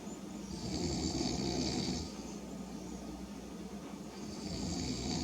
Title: ... you snooze (and snore) you go up on youtube.